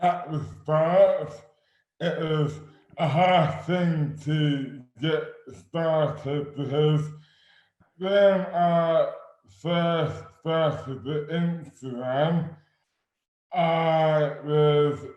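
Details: Adult man with dystonia causing dysarthria (oromandibular dystonia); speech became slurred suddenly overnight in May 2008 without known cause, about 12 years before this 2020 recording; speech is severely impaired and his hands are also affected.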